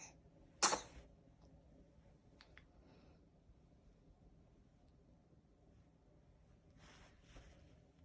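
A single sharp, explosive sneeze in a quiet room, followed by soft breathing and rustling.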